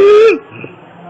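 A brief, loud, high-pitched musical whoop on breathing in, typical of inspiratory stridor from a narrowed upper airway.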